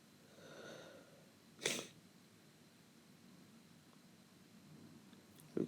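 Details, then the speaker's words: Sneeze from someone with a cold while cooking and preparing a salad: a single short, sharp sneeze against quiet room noise, with a brief sniff-like sound at the end. "Sorry guys, I have cold in case you might just hear I'm just sneezing or something like that."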